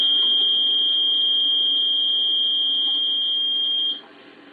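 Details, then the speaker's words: Steady high-pitched alarm tone lasting about four seconds, then stopping: a ventilator apnea alarm as no cycling occurs, until the patient takes a breath and the ventilator resumes cycling. "you can see that the patient takes in the breath and prevents the apnea alarm from going off any further and moves a little bit and toss us around and the patient starts the ventilator starts cycling again"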